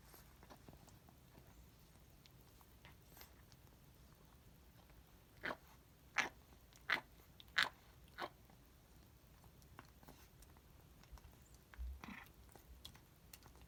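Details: 17-year-old female cat grinding while eating for about 4–6 weeks, also with mucousy, snotty saliva while eating, seen repeatedly by a vet: faint room noise with a short run of sharp crunching, grinding clicks as she struggles to chew.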